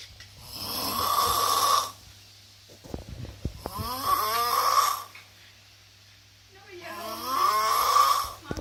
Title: Thánh ngũ ngáy số 1 thế giới (The world's most snoring superhero)